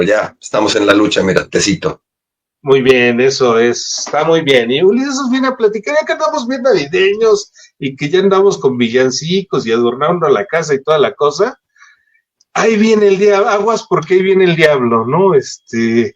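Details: Adult male speaker; normal voice.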